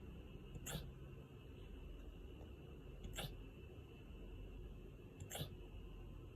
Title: Husky wolf having hiccups